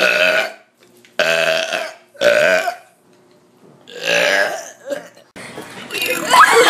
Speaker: omg a girl just burped it's true we do it when you're not looking